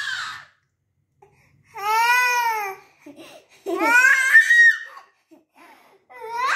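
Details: A playful infant gives several wailing cries separated by pauses, with a few short fussy sounds between; ordinary infant crying.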